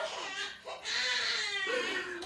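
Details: Brief infant cry with rising and falling wails, a baby crying in the background of a small room while her mother sets up a Medela Symphony breast pump.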